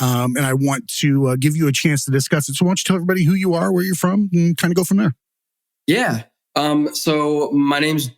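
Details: Adult male speaker; typical speech.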